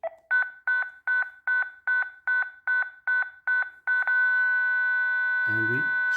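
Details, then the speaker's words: ZOLL M2 defibrillator in manual defib mode, adult setting, auto-selected 120 joules, in a training demonstration: about ten regular chiming charging beeps, then a steady high ready tone, then a low buzzing burst as the shock is delivered. "from here we can just shock the patient by pushing charge"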